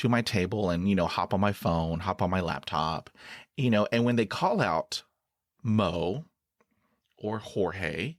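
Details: Stuttering in a 49-year-old adult man who stutters, with blocks and particular trouble with words starting with p.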